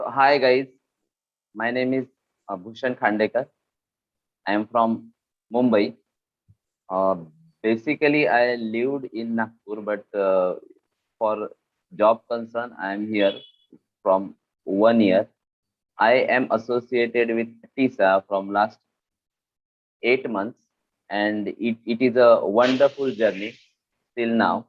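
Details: Adult male who stutters, eight months in a stammering support group, using a pausing technique; repetitions heard; stuttering.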